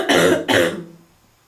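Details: Seasonal barking smoker's cough: two harsh, barking coughs in quick succession; smoker's cough.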